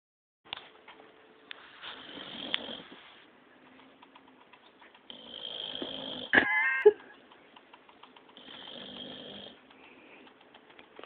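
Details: Pet, Princess, snoring while asleep under a blanket in a quiet room: soft, raspy snores on the in-breaths with one brief squeaky whine in the middle.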